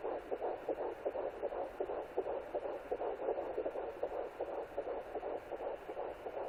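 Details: Fetal heartbeat at 11 weeks 0 days of pregnancy on a Sonoline B pocket fetal Doppler: rapid, regular whooshing pulses at about 160 a minute.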